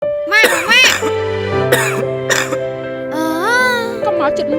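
About four harsh, explosive coughs from an adult acting in an advertisement, over steady background music; an acted cough.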